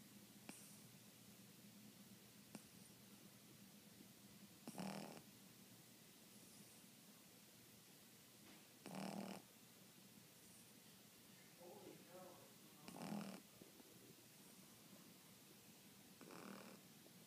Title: Sleeping and snoring